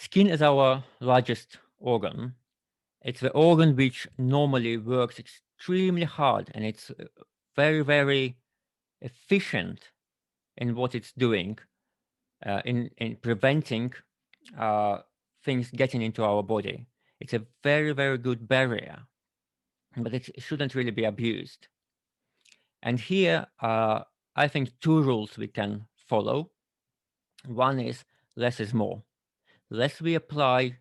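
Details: Adult man who had tongue cancer five years earlier, leaving his tongue altered; altered articulation after tongue cancer surgery.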